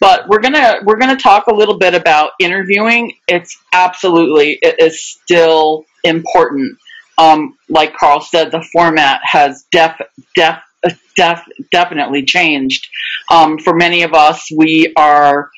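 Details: Real adult who stutters, speaking live in a webinar for people who stutter; stuttering.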